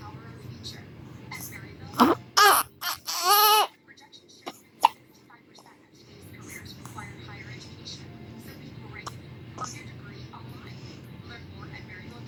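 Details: A 1-day-old newborn with hiccups gives a few short, high-pitched cries and squeaks, then a sharp click, with quiet music and room noise behind.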